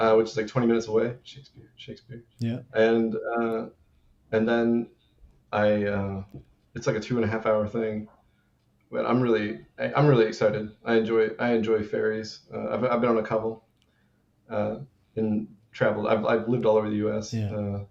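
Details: Adult male with Tourette syndrome; an interjected word recurs throughout his speech. Tourette syndrome vocal tics.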